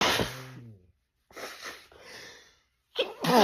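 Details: Woman's sneezing fit, edited loop, tagged allergic rhinitis: several sharp sneezes with voiced catches between, amid snorts and throat clearing.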